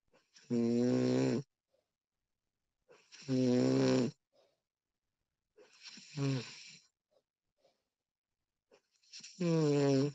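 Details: Woman recorded while asleep, extended one-hour recording: loud, buzzing, voiced snores, about 22 breaths a minute, with quiet pauses between them; snoring.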